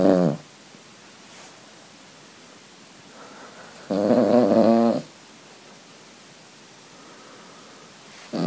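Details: Sleeping Cavalier King Charles spaniel, owner says she snores far too much and too loudly: two loud, rough snoring breaths seconds apart with quiet between, a third starting at the end.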